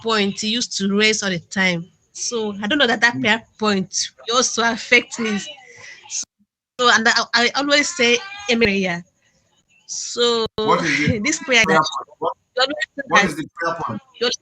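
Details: Adult male caller who states he stammers; stuttering.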